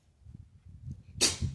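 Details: A male cat gives a single sharp, hissing sneeze after a moment of quiet low room rumble. He sneezes repeatedly.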